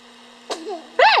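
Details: 12-week-old infant; a brief, sharp sneeze followed by a small cry-like vocal sound, steady background hum: sneezing.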